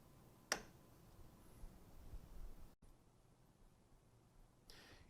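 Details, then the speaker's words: Aisys/Avance anesthesia machine flow sensors being re-engaged after zeroing during the checkout: pivot points engaged, sensors fully seated, then a single sharp click as the locking lever locks, followed by quiet handling noise. "To re-engage the flow sensors properly, ensure that the pivot points are engaged, the flow sensors are seated fully, and that the locking lever locks with a positive click."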